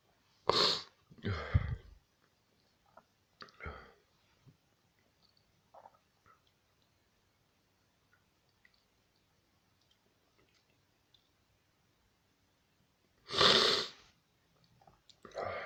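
Three sharp sneezes in quick succession, then a quiet pause with faint sniffs, then a fourth loud sneeze; repeated sneezing.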